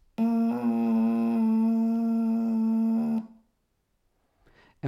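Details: Longer voice breaks with subharmonic structures, including diplophonia and triplophonia, fewer harmonics in parts, quite rough sound; finding: diplophonia (subharmonic voice breaks).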